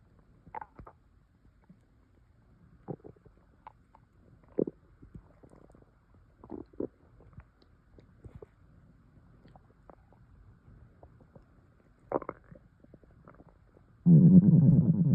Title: Air swallowing (stomach noises)